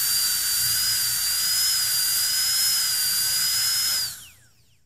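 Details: Sound effect of a dental drill starting, running with a steady high-pitched whine, then winding down and stopping.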